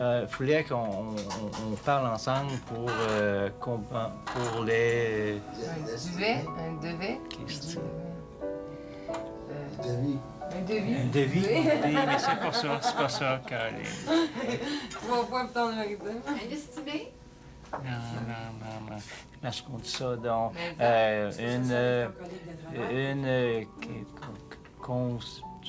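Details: Man with aphasia after a cerebral hemorrhage, in rehabilitation with speech therapy, who later walks, speaks, reads and writes again. Aphasia.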